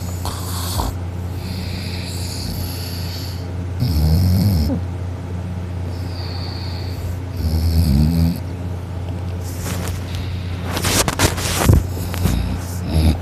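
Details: Heavy sleeper snoring loudly while their sister holds their nose, still snoring: loud, rattling inhaled snores about every four seconds, later interrupted by snorts and rustling.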